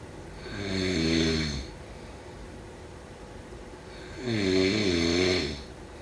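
Two loud, vibrating snores on inhaling about three to four seconds apart, with quieter breaths between; ordinary snoring.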